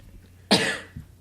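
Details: A single sharp, harsh cough from an adult, with a brief fading tail and faint room noise.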